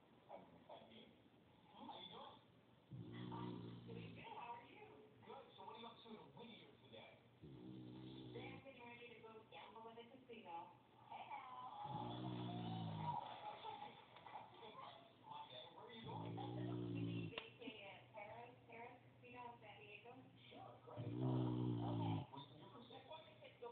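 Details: Snoring of a sleeping dog, low rumbling bursts about 13 a minute, with television talk in the background.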